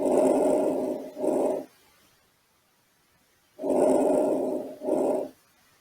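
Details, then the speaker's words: Normal vesicular breath sounds in a respiratory exam teaching recording: soft rustling breaths, longer inspiration running straight into shorter expiration. Can be louder in children, thin people, after exertion or deep open-mouth breathing; diminished in pneumothorax, hydrothorax or pleural thickening. "pode estar um pouco mais aumentado em crianças pessoas magras após um certo esforço ou até mesmo após o respiração ampla com a boca aberta"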